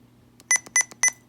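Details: Sapphire IV infusion pump touchscreen: three short, high, bright keypress beeps in quick succession over a low hum while a medication name is typed T9-style to search the preprogrammed drug list.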